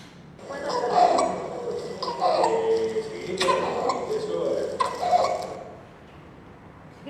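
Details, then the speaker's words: Recurring high-pitched crowing breaths from a newborn: episodic inspiratory stridor, louder and longer during breastfeeding, absent when crying; laryngomalacia, assessed by videoscopy. "sí tenía episodios de estridor inspiratorio pero cuando le daba el pecho aumentaba el estridor el volumen del estridor"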